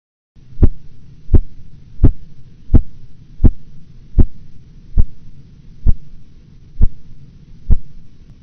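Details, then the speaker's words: Korotkoff phases 3 and 4 during blood pressure measurement: ten regular thumping taps at about 85 per minute over low hum, muted changes usually within 10 mmHg of true diastolic pressure. "Phase 3 and 4 sounds are muted changes in the tapping sounds that occur as the pressure measurement approaches the diastolic pressure, usually within 10 millimeters of mercury of true diastolic pressure."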